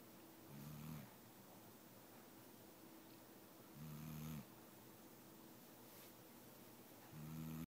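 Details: Sleeping pet dog, unwell and awaiting medication, snoring: low rattling snores every few seconds, about 18 a minute, in a quiet room.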